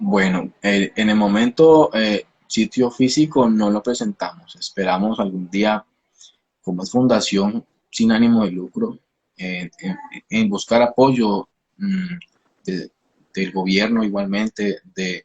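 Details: Adult Spanish-speaking speech therapist who is a person who stutters; stuttering.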